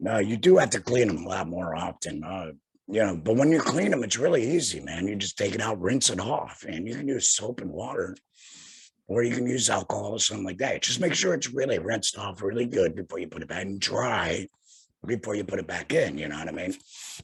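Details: Tracheoesophageal (alaryngeal) voice in an adult male about two years after total laryngectomy for head and neck cancer, speaking through a tracheoesophageal puncture voice prosthesis by finger-occluding the stoma HME.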